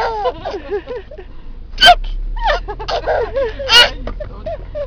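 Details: Baby laughing and vocalizing in a car, broken by two sharp, abrupt hiccup sounds, with adult talk in the background; infant hiccups during laughter.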